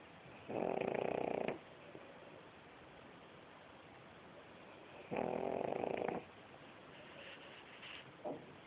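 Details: Bella, a pug, during sleep: loud, buzzing snores about a second long, two full ones and the start of a third, over a quiet background; snoring.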